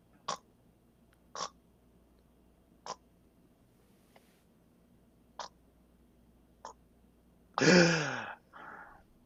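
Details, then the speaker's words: Physician's imitation of an obstructive sleep apnea event: snoring, then a near-silent breathing pause with faint clicks as the throat closes, at least 10 seconds by definition, ending in a loud voiced recovery gasp. "if I'm snoring and I and stop breathing and that's that's the throat closing it's a 10-second event by definition for sleep apnea"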